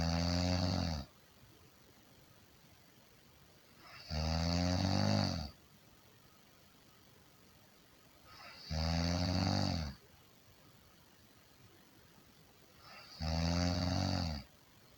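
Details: Loud, rattling snores on each breath, about 13 a minute, with quiet gaps between; snoring.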